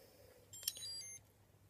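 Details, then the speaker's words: Accu-Chek Insight insulin pump running its safety check during a prefilled insulin cartridge change, with the tube disconnected from the body: it flashes colours, turns off, vibrates and emits a brief series of high electronic beeps and tones. "It's now doing a safety check, flashes all different colours, turns itself off, vibrates and beeps."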